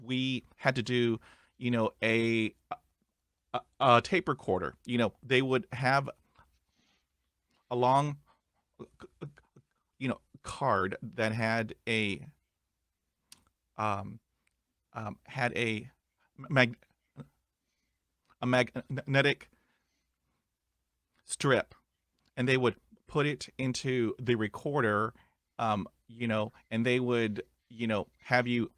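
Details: Adult male with ongoing stuttering; stuttering.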